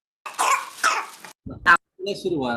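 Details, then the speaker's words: Boy with a croupy, hoarse cough for about a week, now with more congestion and trying to cough things up; oxygen 99%, lungs clear: harsh, congested coughing bursts, then a voiced sound. "it was at that point it was sort of sounding crooky yeah a little bit of a horse cough"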